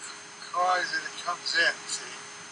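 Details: An adult man with Wernicke's aphasia caused by damage to Wernicke's area in the temporal lobe.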